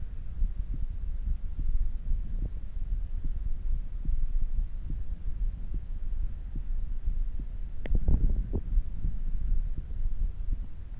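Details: Normal heart sounds after exercise, gradually returning to a normal beat: quick, regular low thumps at about 100 beats a minute under a steady hum.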